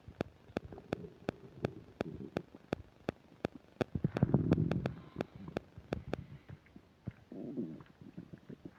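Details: Upset digestion while eating a burger and fish fries, recorded with a microphone: low gurgling rumbles with a longer swell midway under a steady run of sharp mic static clicks; active bowel sounds (borborygmi).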